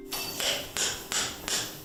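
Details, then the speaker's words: Hip replacement surgery: four sharp metallic hammer strikes about every third of a second, impacting a metal femoral stem into the top of the thigh bone, topped with a replacement ball. "AND THAT'S THE SOUND OF A METAL STEM BEING INSERTED INTO THE TOP OF THE THIGH BONE WHICH IS TOPPED WITH A REPLACEMENT BALL."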